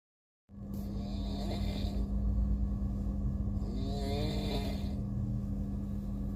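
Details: A person sleeping on an Indian railways train gives two rough, rattling snores on slow in-breaths, over a steady train hum and rumble. Ordinary snoring.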